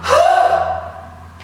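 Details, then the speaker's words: Huff (forced expiration) demonstrated in a relaxed seated position during active cycle of breathing to clear chest secretions from a cold: after a deep breath in, one short, forceful open-mouthed breath out that fades away. "one more big breath in and half out relax the airwaves and then should you feel like we've got secretions ready to cough up my nice deep breath in and a strong Hoff out"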